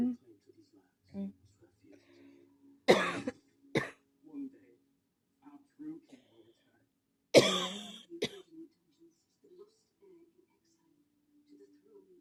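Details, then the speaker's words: Two bouts of deep, harsh coughing, each a strong cough then a shorter one, in a quiet room; a really bad coughing fit. "Oh, wow. Excuse me. I'm gonna cough again."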